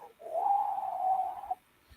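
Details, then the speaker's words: Adult woman with a prior mild lung collapse found in January, gradually worsening breathlessness on walking, vocally imitating her night-time wheeze that wakes her: steady whistling hoot, like wind through a tunnel. "But at night, I wheeze. I wake up and it sounds like wind blowing through a tunnel or something."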